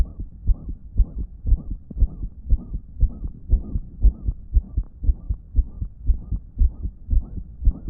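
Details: Own damaged heart recorded on a phone, noted as not pumping effectively that day: rapid regular heartbeat about 118 a minute with a loud blowing murmur filling the gaps between beats.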